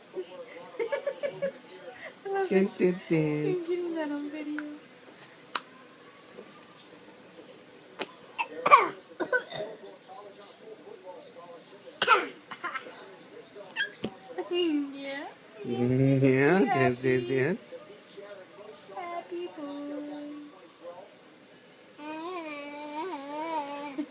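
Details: A young child babbles and makes a couple of short, forced, voluntary cough sounds imitating a cough.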